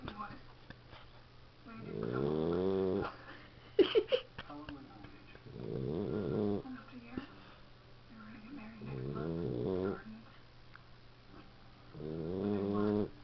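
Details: 13-week-old Boxer puppy asleep after a rough day: rhythmic, buzzing, whistly snores every three to four seconds with a few small snorts; harmless puppy snoring.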